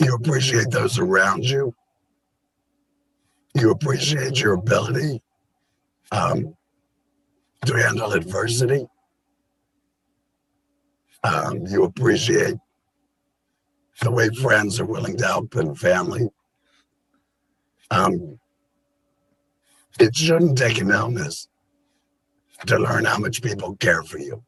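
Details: Adult man with tracheoesophageal speech through a voice prosthesis placed about seven months after a February 2019 total laryngectomy for stage four squamous cell carcinoma; speech took about three months to come together.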